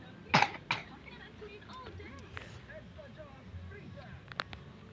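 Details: Throat clearing from a person who is sick with a cough and has a weak voice: two short, harsh throat-clearing bursts near the start, then quiet room noise with faint movement.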